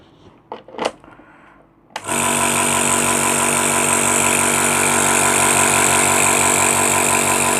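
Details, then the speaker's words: A click, then a repaired compressor nebulizer motor, after fuse replacement, tested and running with a steady loud buzzing hum; working normally. "বানাই দিয়ে এখন আবার সিরিজের line দিয়ে দেখব যে আমাদের কম্প্রেসারটা চলছে কিনা। দেখতেই পাচ্ছেন আমাদের কম্প্রেসারটা চলছে।"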